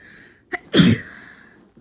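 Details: Forceful, unstifled, non-induced sneeze during a cold: quick sharp intake of breath, then one loud sneeze with a trailing exhale in a quiet room.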